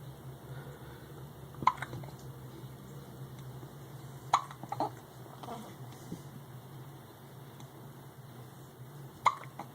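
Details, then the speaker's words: Three sharp, abrupt hiccups a few seconds apart over a quiet room background; ordinary hiccups. "He's got the hiccups. Elias."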